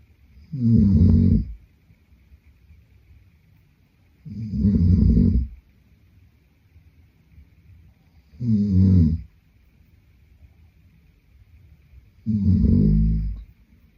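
Four loud, low, rattling snores on inspiration, about 15 a minute, with quiet pauses between; habitual snoring during sleep.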